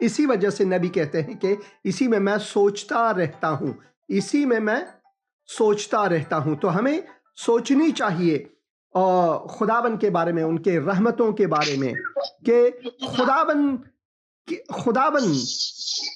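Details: Adult male speaker; Ordinary speech.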